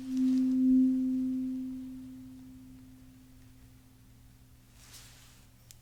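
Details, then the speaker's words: Simulated cranial nerve exam in an ASMR roleplay: a struck tuning fork rings with a pure, steady hum that fades over about five seconds during a hearing test with one ear closed. "now can you please close one ear for me okay so we're gonna close this one and tell me when you don't hear the sound anymore"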